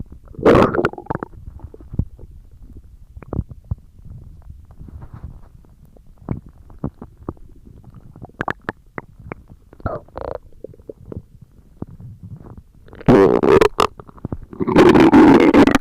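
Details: Stomach growling (borborygmi) with gurgling, bubbling and squeaky pops, and louder rumbling bursts near the start and end; the recording is described as including stomach growling, fart and diarrhea sounds.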